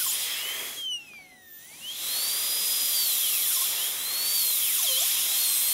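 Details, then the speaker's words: High-speed dental handpiece whine, dropping and rising in pitch as the bur cuts, with a brief pause, during a full zirconia crown prep on tooth #3 (maxillary molar): functional cusp bevel guide cuts along the lingual groove. "again we want to keep this direction from distal to mesial I'm staying now in the lingual groove and this is guide cuts for the functional cusps bevel"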